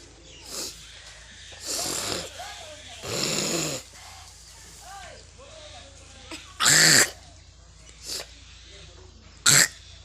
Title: coughing and nose blowing challenge